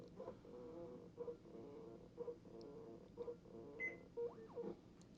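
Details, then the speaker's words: Simulated patient (ProSim 8 simulator) on a patient monitor, HR 60, invasive BP 119/79, SpO2 100%: soft pump hum with regular pulsed tones about once a second, then completion beep as the non-invasive blood pressure cuff measurement finishes. "it's gotten 119 over 79 with a mean of 93 for invasive blood pressure and the cuff is making its measurement now for the o2 sat are for the uh nibp reading"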